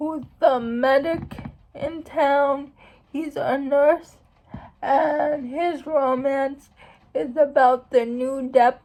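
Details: Speech of a young woman who states she has cerebral palsy; dysarthric speech (cerebral palsy).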